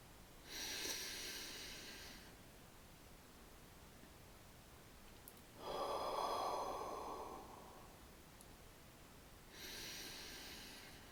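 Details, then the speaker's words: Physiotherapist-demonstrated ACBT thoracic expansion exercise, hands on outer ribs: long deep breath in through the nose, three-second hold, slow breath out through the mouth, repeated; deep-breathing exercise. "next we will go to our thoracic expansion exercises hands on the outer ribs to encourage maximum expansion we complete a long breath in through the nose hold for three seconds and out through the mouth"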